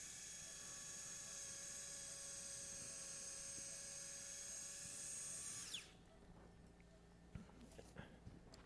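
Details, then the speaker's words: Surgical drill's steady high-pitched whine, then stopping with faint clicks, while drilling bone for the first 1.3 mm all-suture anchor in arthroscopic left shoulder repair of a type 3 SLAP lesion. "Okay, so here we're drilling the hole for the first anchor."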